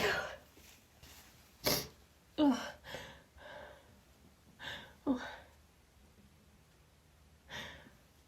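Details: Female sneezing after trying the chhinkni sneeze trigger for the first time: a run of short, sharp sneezes in quick succession with gasping breaths, pauses and false starts; repeated sneezing.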